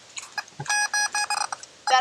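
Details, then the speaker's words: A multi-species pregnancy detector checks a sow 20 days after artificial insemination, with the probe pointed toward her front left shoulder. It gives a steady beeping tone in short bursts, indicating amniotic fluid: positive pregnancy. "it's starting to change so I'm just gonna add some more oil and get better contact here that how it's changing I'm calling that pregnant"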